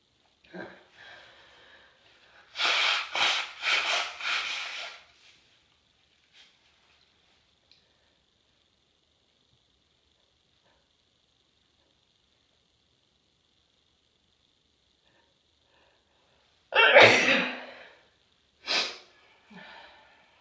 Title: A few chhinkni sneezes (3/26)